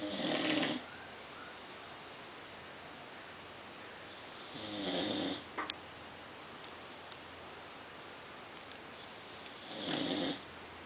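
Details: Female American Bulldog asleep and snoring: three rough, rattling snores about five seconds apart, roughly 12 breaths a minute, with quiet breathing between; ordinary snoring.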